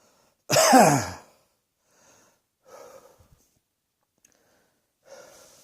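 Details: One strong, harsh cough followed by quieter breathy sounds and a faint second cough-like burst: cough.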